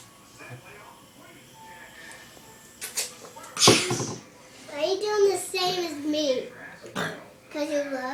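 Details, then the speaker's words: Three-year-old child gives one loud, rough belch after eating cheese Doritos, then says "excuse me, I burp the big burp"; an ordinary burp in a quiet room. "it excuse me I bur the big burp hey Callie I bur the big burp"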